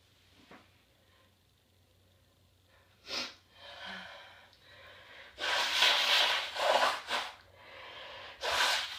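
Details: Sneezing and honking (blowing) the nose to clear a nasal tickle: several sharp, hissing bursts of air in close succession, some with a snorting, honking quality; repeated sneezing.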